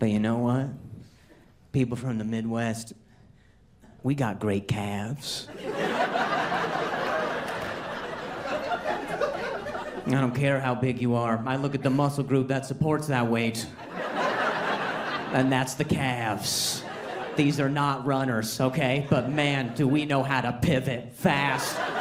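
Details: Adult man, stand-up comedian; ordinary speech.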